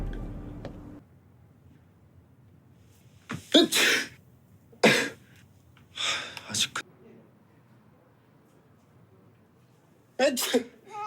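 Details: Sneezes from a TV drama: several short, sharp bursts of air with quiet gaps, a run of sneezes in a quiet room.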